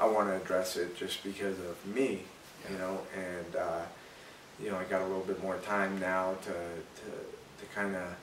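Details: Adult man, a former professional fighter, who has stuttered since childhood and still has a mild stutter; stuttering.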